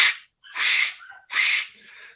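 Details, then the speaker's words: Vocal imitation in a physiology lab class of a heart murmur: three breathy, drawn-out whooshing blows made by mouth, like blowing into a stethoscope, contrasted with short, dry normal heart sounds. "son más arrastrados, no son tan intensos, o pueden llegar a ser intensos, pero justamente tienen esta peculiaridad de que parece que estuvieran rozando, de que pareciera que me estuvieran soplando al estetoscopio."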